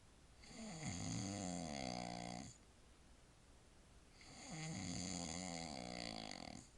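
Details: Man asleep at 9:47 pm, exhausted after a child's birthday party: two long, buzzing snores on the in-breath separated by a quiet pause; ordinary loud snoring.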